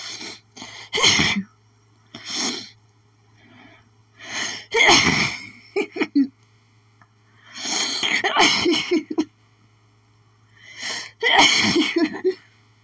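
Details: Sneezing fit blamed on allergies from a newly planted flower garden, nose sore from sneezing: a rapid run of about six harsh, hitchy sneezes, each with a sharp catching inhale before it.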